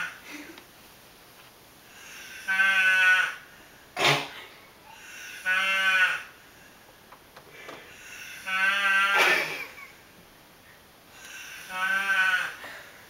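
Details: Loud, tonal, bleating snores recurring about every three seconds over room hiss, each with a nasal, sheep-like quality, from a sleeping adult man: heavy snoring.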